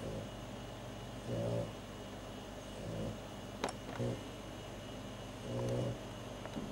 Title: Poppy Snoring